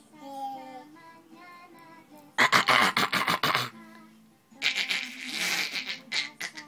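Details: Child's voiced sounds give way to two rapid bouts of short, harsh cough bursts; cough.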